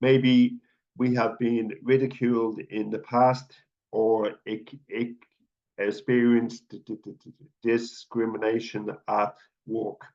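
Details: Adult man who stutters and is a stuttering advocate, giving a public talk with stuttered speech throughout; stuttering.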